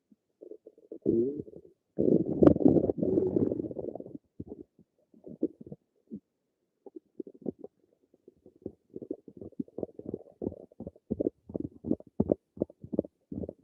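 A long gurgling rumble followed by a run of irregular bubbling pops from the belly; ordinary stomach rumbling.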